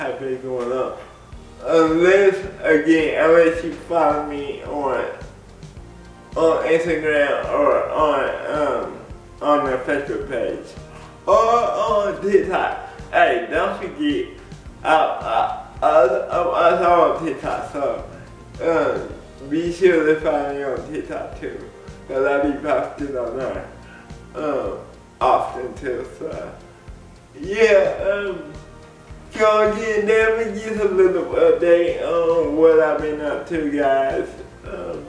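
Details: Dysarthric speech in an adult man with cerebral palsy; people have laughed at the way he talks since childhood. Cerebral palsy is named, but no speech disorder is formally named.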